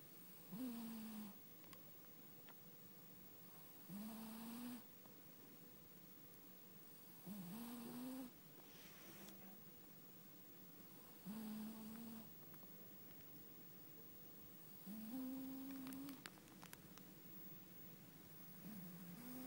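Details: Snoring recorded 2011-01-14: regular snores with a faint whistling tone, about 17 a minute, against quiet room noise.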